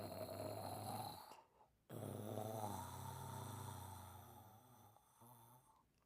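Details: Person snoring and dreaming in sleep: slow, rumbling snores on the in-breath, two cycles separated by a brief pause, in a quiet room.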